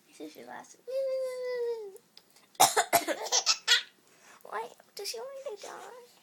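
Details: Voluntary coughs: an 11-year-old girl gives a few sharp, deliberate coughs between her 4-month-old sister's squeals and giggly laughter.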